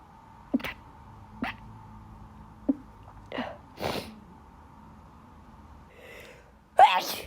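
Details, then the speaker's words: Allergic sneezing, not illness, in someone who sneezed all day at school and says their nose is so itchy and they can't stop: several short, sharp nasal bursts and sniffs, then a louder sneeze over a steady room hum. "Oh my god. Oh my god. I can't stop. My nose is so itchy."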